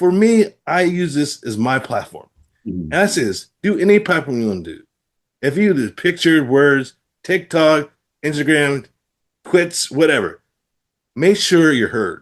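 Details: Adult man with aphasia after a stroke who reports trouble producing the first sounds of words; word repetitions and ungrammatical phrasing heard; aphasia after stroke.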